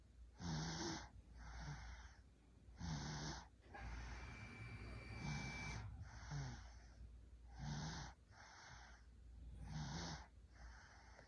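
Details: Rhythmic rough snoring sounds repeating about 25 times a minute during sleep, with steady low room hum behind.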